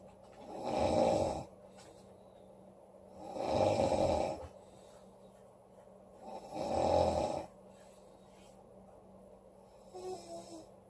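Loud, rough snores on breathing in, about one every three seconds, with quiet gaps between them; ordinary snoring.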